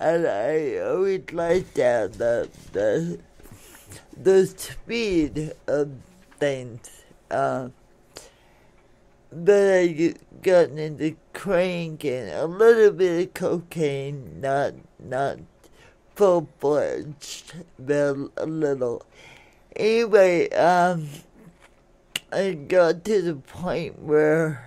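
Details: Adult woman born in 1959 with cerebral palsy from oxygen deprivation to the brain during delivery, affecting speech and motor skills; some listeners find her hard to understand; dysarthria.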